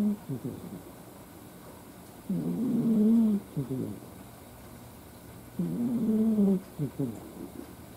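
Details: Ai, a formerly stray cat, snoring loudly while asleep: rough, rattling snores roughly every three seconds over a low steady background hum.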